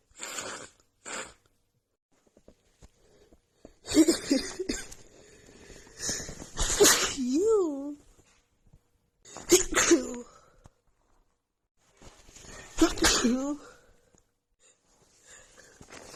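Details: Female with a head cold and blocked nose, after sniffing a tiny bit of black pepper: rapid nonstop sneezing fit with short gasping breaths between sneezes, some nose blowing and a cough.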